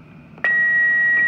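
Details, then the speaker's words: Philips HeartStart monitor, biphasic, with defibrillation pads, in a teaching in-service: a click, then a steady high continuous tone as the defibrillator charges to 3 joules for a shock. "so if I want to defibrillate somebody okay so I'm gonna crank this guy up I'm gonna charge"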